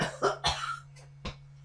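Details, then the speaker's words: Adult coughs into a radio studio microphone: a short run of about four dry, forceful coughs over a faint steady electrical hum. "Go away from the mic. All right, okay. You're going to cough and splutter down it."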